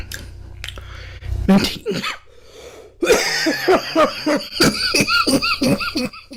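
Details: Man coughing repeatedly while drinking juice.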